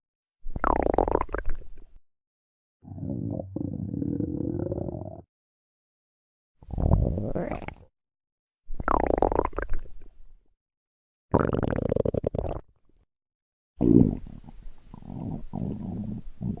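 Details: A woman's stomach growling: repeated low gurgling and rumbling bursts from the belly. Finding: borborygmi.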